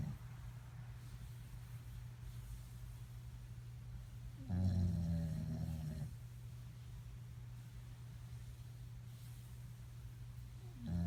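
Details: A sleeping dog snoring: low, rumbling breathing under a steady room hum, with one louder snoring breath in the middle.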